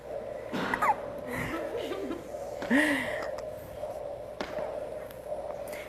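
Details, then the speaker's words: Newborn baby hiccupping during a photo session: several brief, abrupt catching sounds, some with a tiny squeak, against a steady room hum. "Can you hear those hiccups?"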